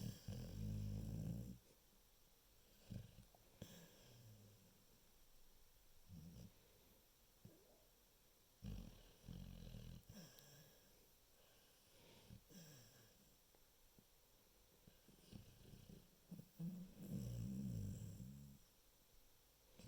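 Low rumbling snores in slow repeated breath cycles, about one every four to five seconds, in a quiet room.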